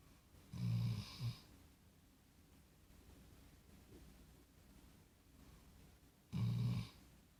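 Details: Two deep, low, rumbling snores about six seconds apart, with quiet breathing between. Snoring.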